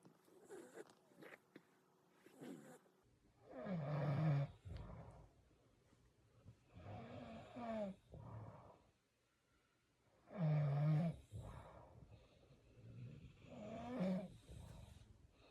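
Slow, rough, low rumbling snores with long pauses between them, about nine a minute; a cartoon snoring effect.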